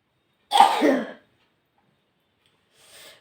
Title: nose blowing and sneezing 🤧 ( most requested video) ata onno rakom